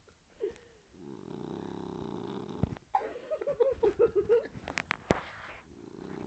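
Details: Boston terrier snoring heavily: a long, low, buzzing snore on inhalation followed by a run of short snorting pulses.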